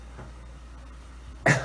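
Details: Single harsh, forceful cough from an adult with COVID-19 on day 5 of isolation, fever gone, cough worse than the previous day, sounding like a heavy smoker's, after quiet room noise.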